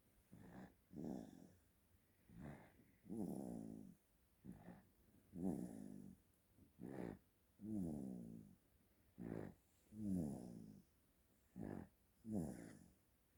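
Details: Baby snoring loudly in sleep: regular rasping, slightly musical snores with each breath, about 26 breaths a minute, in a quiet room.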